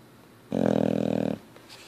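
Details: Sleeping Boxer dog: single rough, fluttering snore of just under a second with loose lips and jowls flapping during the breath; snoring.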